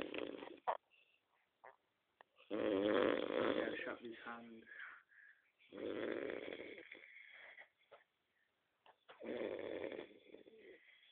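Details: Three long, rough, rattling breath sounds separated by short quiet pauses; snoring.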